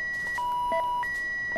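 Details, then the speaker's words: Simulated virtual anesthesia machine alarm during a demonstration failure, signalling low inspired oxygen (FiO2 16%): repeated electronic alarm tones. "the alarm is telling me my fio2 is 16 and of course I'm going to turn it off"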